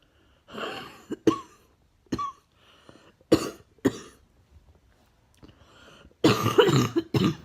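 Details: An adult coughs about eight times, some coughs harsh and barking, others rattling and wet: a wet, barking cough.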